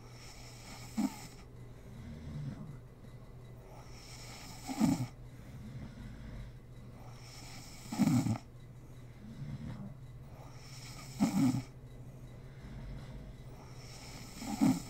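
Steady cycle of harsh snores on inhalation with softer exhalations, about 19 breaths a minute; regular snoring during sleep.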